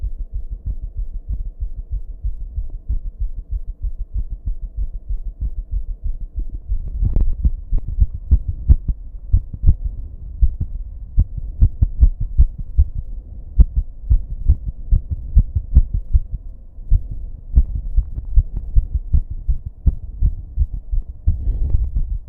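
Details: Racing heartbeat turning irregular partway through with heavy breathing, fast low thumps over a steady background buzz from recording in a bathroom.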